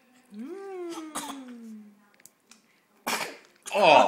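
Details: Infant eating sweet potatoes gives a rising vocal sound, then a short burst of sneezing with a spray of noise, followed by a brief cry.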